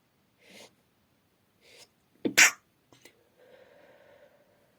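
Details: Sneezing at night in a female: soft breaths and an inward gasp, then one sharp sneeze followed by quiet sniffing and breathing; sneezing.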